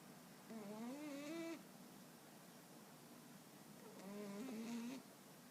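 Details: A sleeping female dog makes two drawn-out, whining, tonal snores about three seconds apart on its breaths, over low room hiss; loud snoring.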